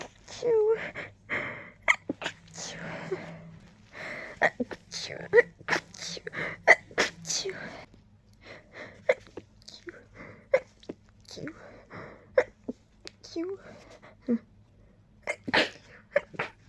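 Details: Tickly nose: a rapid run of repeated sharp sneezes with quick gasping breaths between; a sneezing fit.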